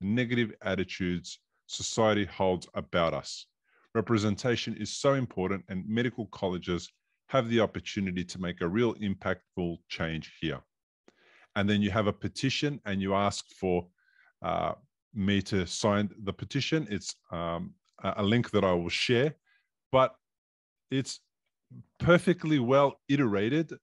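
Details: Adult male speaker; typical speech.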